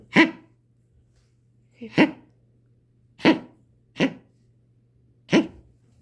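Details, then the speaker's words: Five short, harsh, explosive coughs about a second apart over a low hum, from a puppy just after waking, its first strong cough after sniffling, possibly from a draft or infection; dog cough. "он сейчас так страшно кашлял только проснулся и когда просыпается начинает вот начинается кашель Вот это до этого так и не было сегодня Вот первый раз такой сильный кашель"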